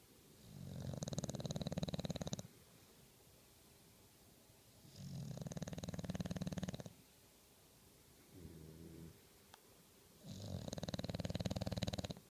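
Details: Sleeping English Bulldog snoring: loud, rattling, low-pitched snores repeating about every five seconds.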